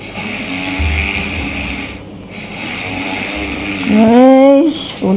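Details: Mother's snoring recorded: loud, rough snoring on long breaths with brief pauses between them, ending in a higher, voiced snorting note; ordinary snoring.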